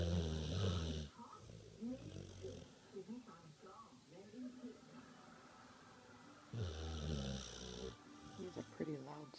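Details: Two deep, rumbling snores with soft voices and other sounds in the background between them; snoring.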